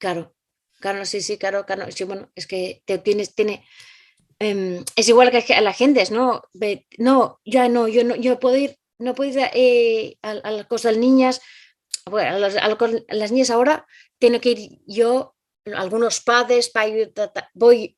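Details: Adult Spanish-speaking woman with aphasia caused by a stroke some time ago, acquired brain injury. Finding: aphasia.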